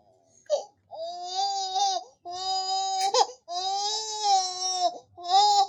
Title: Baby Cries Sound Effect Free **High Quality**